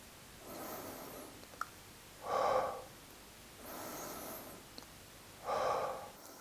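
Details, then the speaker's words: Demonstrated autogenic drainage for loosening mucus, done sitting upright with hands on chest and upper abdomen: a slow breath in, then quick, shorter breaths out through the nose, repeated; lungs may rattle slightly as secretions loosen. "During this procedure, you may hear your lungs rattle a little bit, which is a sign that you are loosening the secretions and that the technique is working."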